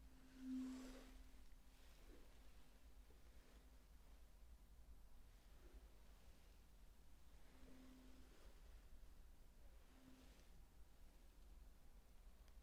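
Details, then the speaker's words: Roleplayed bedside hearing test in a simulated cranial nerve exam: soft, steady hum of a struck tuning fork, sounded three times while the patient reports when it can no longer be heard. "we have a tuning fork I'm going to sound it three times and you are going to tell me um when you can no longer hear it okay"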